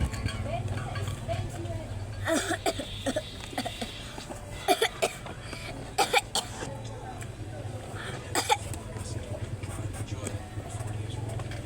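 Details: A child gives several sharp, short bursts of coughing over a steady low hum and some background voices.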